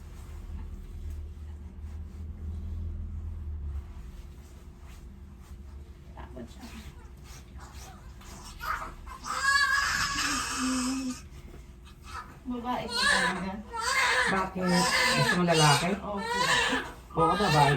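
Room hum and low adult talk, then a newborn's short, high, rising and falling cries in repeated bursts; a vigorous cry just after birth.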